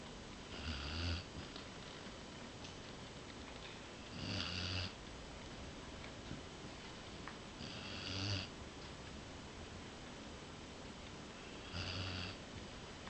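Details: Female Basset hound snoring: quiet, regular snoring, four low rattling snores about 3.5 seconds apart, roughly 16 a minute, against steady room hiss.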